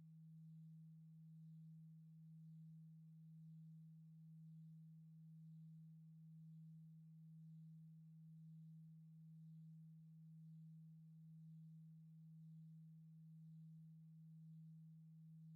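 A steady, faint, low pure tone with a gentle once-a-second swell, used as a simulated hearing-test signal.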